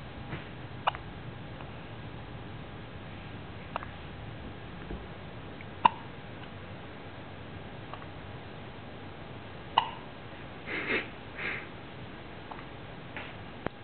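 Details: A child's brief, sharp hiccups recurring every few seconds in a quiet room.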